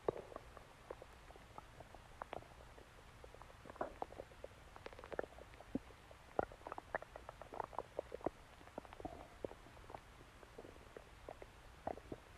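Steady crackly gurgling with many small pops and bubbling clicks: normal stomach and bowel sounds of digestion.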